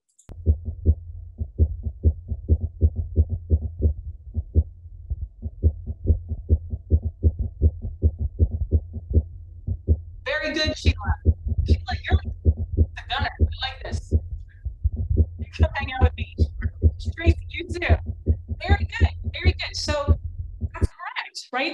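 Simulator heart sounds, fast and irregularly irregular with no predictable beat timing, fitting atrial fibrillation; background voices in the second half.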